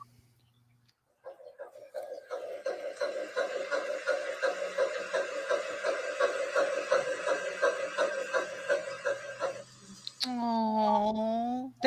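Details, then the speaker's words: Fetal heartbeat heard on Doppler: rapid, regular whooshing pulses at about 160 beats a minute. "is no better sound in the world no what a beautiful sound like any time you're feeling sad or upset or frustrated you need to listen to that"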